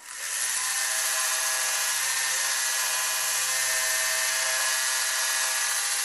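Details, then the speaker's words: Rhinoplasty equipment demo: the rasp attachment of a powered Turkish device files bone, giving a steady high grinding buzz as it rounds off a sharp bone edge; powered bone rasp. "Необычно но работает рашпиль стачивают Кость и краю сок острый у меня стал уже скругленный"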